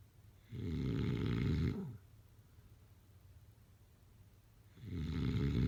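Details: Snoring during sleep: two loud, low, rattling snores on inhaling, each lasting over a second, with quiet breathing between them, about 14 breaths a minute.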